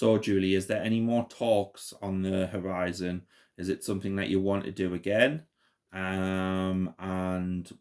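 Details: Adult male interviewer; normal speech.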